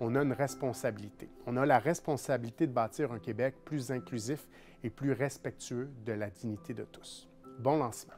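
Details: Adult man; normal speech.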